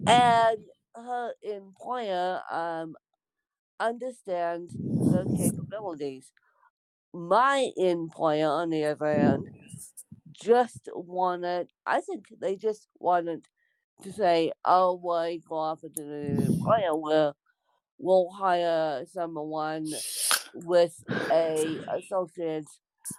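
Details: Dysarthria in an adult woman with congenital cerebral palsy (born with CP), real speech.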